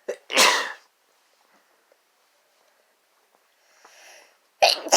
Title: Sneezing fit from chhinkni (F+M)